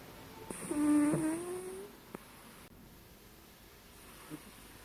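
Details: A single soft, squeaky breathing sound from a cat sleeping deeply, possibly dreaming, then quiet with faint room noise; snoring.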